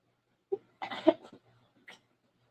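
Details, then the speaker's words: Adult's short cluster of harsh, throaty coughs, a brief catch then a stronger burst, with a faint trailing breath in a quiet room; ongoing cough, coughed once during a therapy session earlier. "You hear the coughing. And I was doing so well. I was doing good. I had my whole therapy session and only coughed once."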